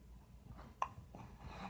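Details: Infant hiccup, a single sharp, brief hiccup over quiet room noise, heard while the baby is excited at seeing his reflection.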